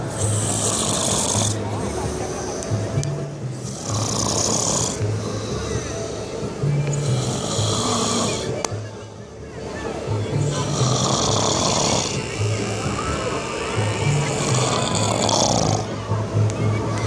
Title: Snoring problem ( Rated R)